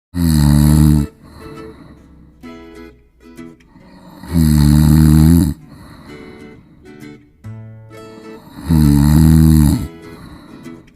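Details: Two pet guinea pigs snoring heavily while they sleep: snoring.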